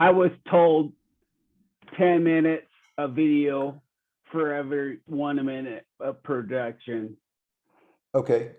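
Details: Real 45-year-old man with rare (under one in a million) primary progressive apraxia of speech; knows the words but they don't come out clearly; speech declining since a previous interview months earlier; apraxia of speech.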